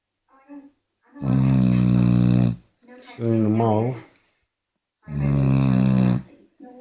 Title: loud snoring beagle Woody gets worse